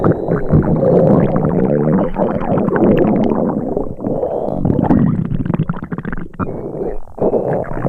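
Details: Simulated stomach rumbling from a sound-effects recording of an upset tummy: continuous loud, low gurgling and churning with bubbling pops.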